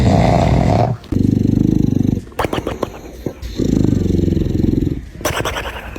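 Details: Dog snoring while asleep: very loud, deep, rattling snores with fast vibration, broken by sharp clicks and snorts. Heavy snoring.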